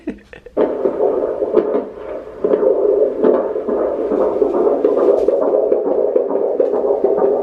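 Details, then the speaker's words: Fetal heartbeat at 20 weeks of pregnancy heard through a doppler on the mother's belly: rapid whooshing beat about 136 per minute, described as beating so fast, mixed with room noise. "Hear it? That's your sister's heart. Oh my God, it's beating so fast."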